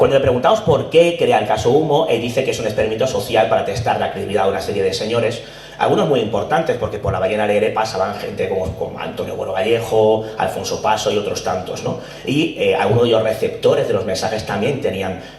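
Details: Adult male lecturer; no disorder.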